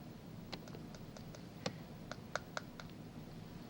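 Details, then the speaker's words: Tooth percussion during a routine dental examination: series of light, sharp clicks as individual teeth are tapped; the crisp click of normal teeth with normal roots. "A further check of the teeth is percussion of these individual teeth. Normal teeth with normal roots usually give a sharp click."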